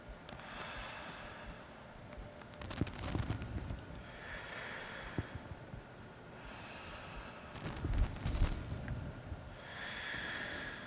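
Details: Soft, rushing breath sounds through a stethoscope, higher on inspiration and fading early in expiration, as the patient takes moderately deep mouth breaths during anterior and posterior chest auscultation: normal vesicular breath sounds.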